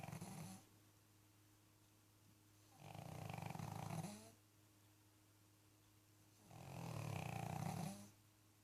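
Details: A sleeping pug snores loudly and rattlingly on each breath, about 16 a minute, with quiet pauses between and a faint steady hum behind.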